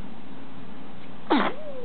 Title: BB Sneezing